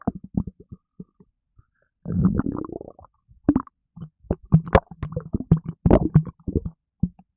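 Bursts of bubbly gurgling and low rumbling from the belly, ordinary stomach noises after drinking a fizzy drink.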